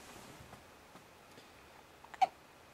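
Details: Four-day-old baby boy with hiccups, not his first episode: a few brief, quiet, abrupt catches in a quiet room.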